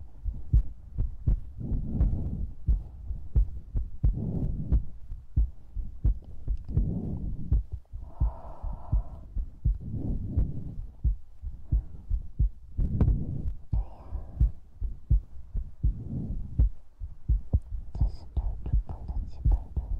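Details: ASMR recording with breathing, mouth sounds and heartbeat: low rhythmic thumps, roughly 85 a minute, mixed with breathing and mouth noises; heartbeat.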